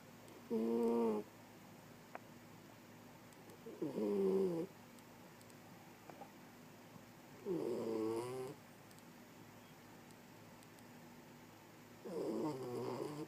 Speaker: what are you snoring like that for, girl? Huh? What are you snoring, girl?